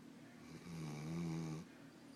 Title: Kisha dog snoring